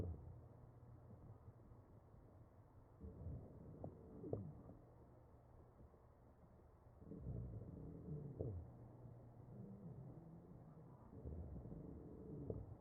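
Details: Chest auscultation in a real mechanically ventilated patient: ventilator breaths about 15 a minute, each with musical whistling tones, from narrowed airways; wheezing.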